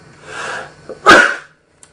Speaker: me first time after all these modules that I've sneezed on camera that's not bad